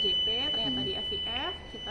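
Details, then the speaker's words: Automatic external defibrillator (AED Pro) demonstration just after a shock is delivered: a steady high tone under a short recorded voice prompt instructing to start CPR. "di sebaher shock deliver sudah kejut jantungnya sudah masuk lanjut lagi dia bilang start CPR start C sesuai instruksi"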